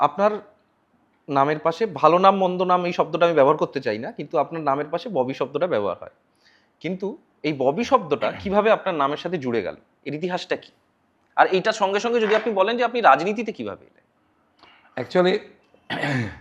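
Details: Adult speaker, interviewer; Normal speech.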